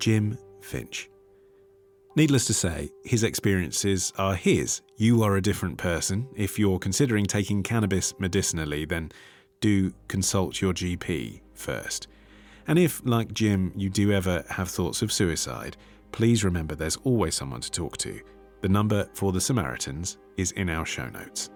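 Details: Adult male speaker; normal speech.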